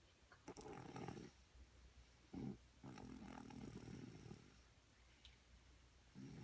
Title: Snoring beauty